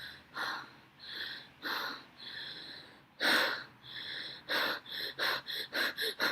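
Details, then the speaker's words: Simulated Cheyne-Stokes breathing from a respiratory physical-exam lecture: imitated breaths, slower and longer at first, then shorter and quicker in a run, as breathing cycles change. Apnea follows, lasting as long as the breathing phase, and the cycle repeats. "así aumentando los ciclos respiratorios en tiempo en lo que es inspiración y expiración. Y después de esto va a tener una amnea, ¿sí? Igual a lo que fue todo este tiempo respiratorio y se vuelve y se repite."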